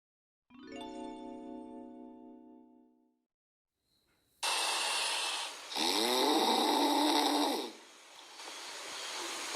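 A musical tone at the start, then loud, rough, rattling snoring breaths from a sleeping puppy.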